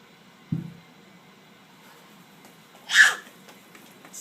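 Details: A single short, sharp cough from a child at an emergency room visit in 2012, in a quiet room after a soft thump early on: cough.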